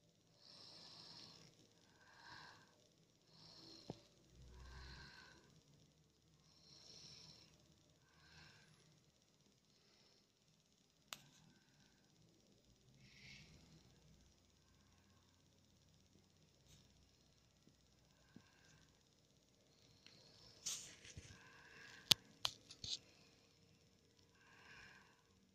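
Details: Child snoring while asleep, recorded to prove whether he snores: soft, hissy, nasal breathing noises repeating rhythmically, consistent with light snoring.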